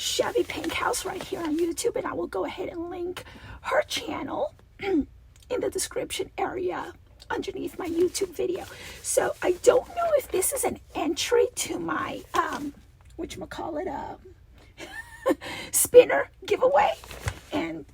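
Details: Adult woman with a recurring double-voice episode that she says requires a return to voice therapy when it happens, with a rasp she feels vibrating below her vocal cords; diplophonia.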